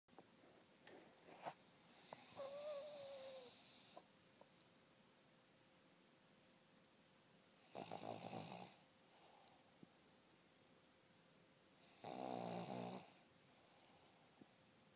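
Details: A dog named Sadie napping gives a faint whimper-like tone, then two long, breathy snores a few seconds apart; the owner wonders whether she is dreaming. Snoring.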